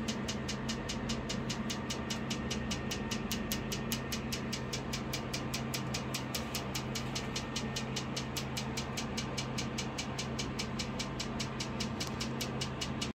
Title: Hands on training on laser treatment for melasma